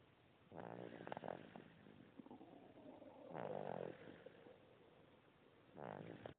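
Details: An 8-week-old (just over two months) very young animal snoring: three soft, buzzy, rattling breaths spaced a couple of seconds apart.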